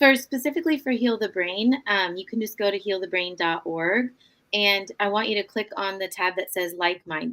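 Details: Adult woman speaking; normal speech.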